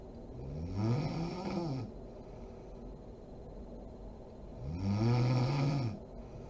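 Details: Two loud, low, rattling snores on inhalation from a sleeping adult woman (mom), with quiet pauses between, over steady room noise; snoring.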